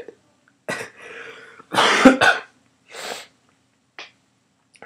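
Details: Repeated coughing from a speaker unable to record a vlog without coughing: several harsh, forceful coughs in short bursts, some with a throat-clearing quality, in a quiet room.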